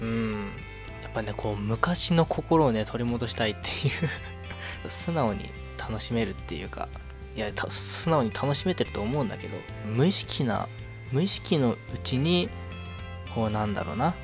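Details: Self-described stuttering in a Japanese man speaking casually; repetitions and prolongations audible.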